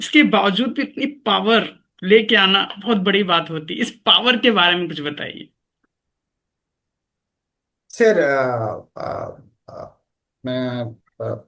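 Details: Adult man who has stammered since childhood, still stammering at times though managed up to about 98%; stuttering.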